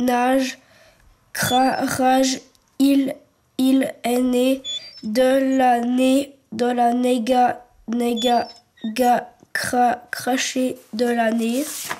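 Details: French-speaking teenager who stutters, real, reading a poem aloud in a documentary; stuttering.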